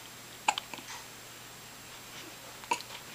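Two sharp, brief gulping bursts about two seconds apart against quiet room noise, fitting hiccups.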